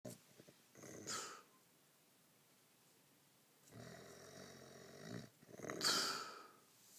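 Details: Noisy snoring during sleep: irregular snorts and harsh, whistly breathing sounds separated by quiet gaps.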